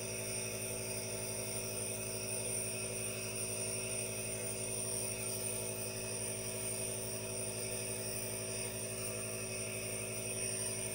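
Steady mechanical hum with a fast, even buzzing pulse and hiss, the continuous sound of an aerosol nebulizer compressor running.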